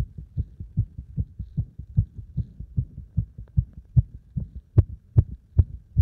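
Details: Heart sounds recorded after a combined beep test and squats: fast, regular, strong heartbeats at about 150 a minute, a heart racing after hard exercise.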